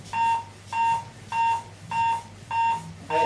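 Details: Regular electronic beeps at about 100 per minute from the built-in metronome of an AED7000 defibrillator, pacing chest compressions during CPR training.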